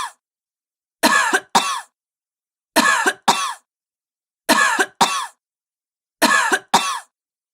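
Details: A recorded sound effect of a sick adult woman coughing: about eight harsh, forceful coughs in four evenly spaced double bursts, with silence between.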